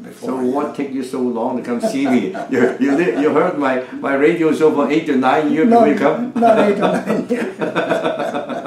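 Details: Adult male clinician in conversation; Typical voice.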